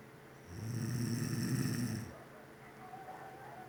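One rough, low, fluttering snore on an indrawn breath lasting about a second and a half, then quieter breathing: ordinary snoring.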